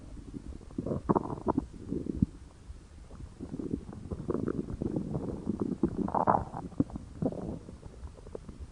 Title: stomach growling